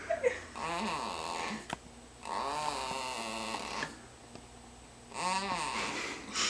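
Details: Three rough, whistling snoring breaths with quiet gaps, plus a few soft clicks and knocks in a small room; snoring.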